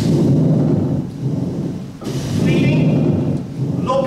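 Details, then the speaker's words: Pleural friction rub from inflamed pleural layers rubbing together, heard in both inspiration and expiration, localized and not clearing with cough: coarse, grating, leathery rubbing, played in a teaching workshop. "I want you to visualize inflamed plural layers rubbing against each other it's a plural it's a plural friction"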